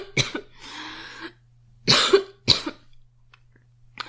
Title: Girl coughing 74